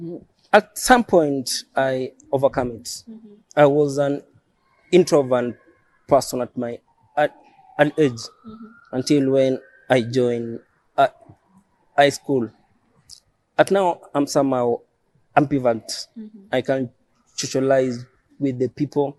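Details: Adult man who has stammered since age 3, believes his stammering is neurological (born with it), describes prolongations and added syllables; stuttering (stammering).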